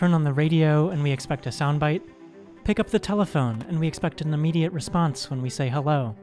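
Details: Adult male narrator; fluent speech.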